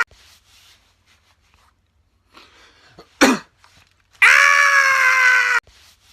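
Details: Comedy clip of a painful sneeze: a short sharp burst, then a long loud strained voiced cry over a second, ending abruptly; forceful sneeze.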